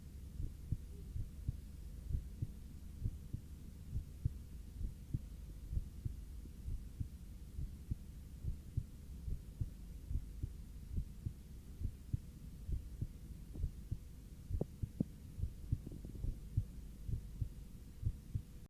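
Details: Heart sounds of a person lying on their back and breathing normally: steady, regular low thumps at roughly 80 a minute over a constant low hum, normal heart sounds.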